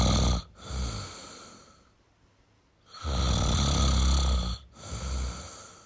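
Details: Male snoring: loud rattling snores with noisy breaths in between.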